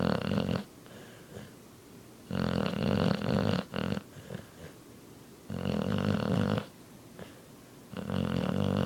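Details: Blue nose pit bull in deep sleep snoring very loudly in a steady rhythm, roughly 20 to 22 snores a minute.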